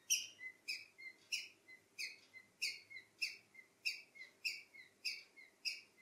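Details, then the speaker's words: Wheezing and respiratory distress in a male pet cockatiel, sudden onset overnight, bird died the next morning: a steady, high, squeaky two-part chirp about 100 a minute, matching laboured breathing. "yesterday night my one of my two cockatiels started making this weird sound and he's been doing this sound for the entire night"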